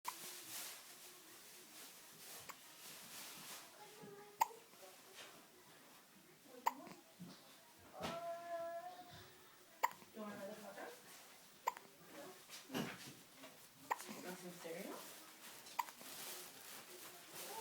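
A young child hiccups about every two seconds, sharp brief catches between soft babbling and vocal sounds.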